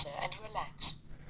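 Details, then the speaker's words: Voice prompt from a Checkme Pro multi-function monitor in pulse oximeter mode, telling the user to insert a finger into the sensor and relax; device beeps follow as the reading and data analysis begin. "देखो इसने बोला कि जो sensor है वहाँ पे आपने finger को इंसर्ट करना है, उसके बाद रिलैक्स हो जाना है।"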